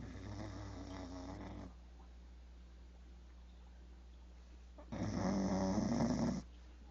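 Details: A sleeping pit bull snores, two loud rumbling snores separated by a quiet pause over low room hum: ordinary snoring.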